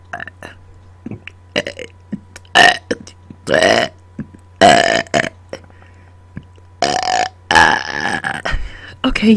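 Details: Voluntary burping on command after dinner, directly into the microphone: a run of loud, voiced burps of varying length with a steady low hum behind them.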